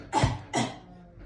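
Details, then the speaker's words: Two short forceful coughs in quick succession: simulated deliberate deep cough to clear the lungs after ten incentive-spirometer deep breaths, demonstrated for a scenario patient, a 75-year-old man after knee replacement surgery. "after your 10 deep breaths we're going to want to cough deeply so that we can clear the lungs so we're going to have our patient cough for us"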